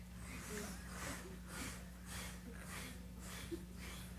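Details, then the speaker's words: Vocal imitation of a mitral regurgitation (insufficiency) murmur in a CCRN lecture: repeated breathy blowing whooshes, about 100 a minute, described as holosystolic, radiating, and increasing with squatting. "every medical book will describe it as blowing and radiates and here on the on the slide here it says increases with squatting"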